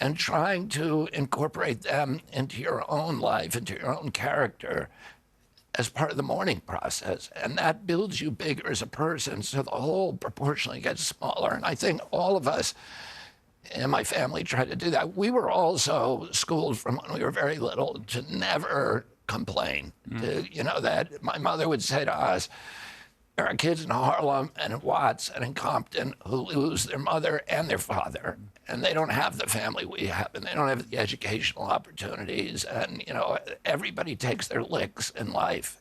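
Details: Adult man, spasmodic dysphonia, described as the neurological disorder spasmodic dystonia, onset at 42 after a 1996 injury; nerve signals tighten vocal cords constantly, cords uninjured; Kyoto surgery about eight months earlier made voice more reliable; now trying alternative therapies.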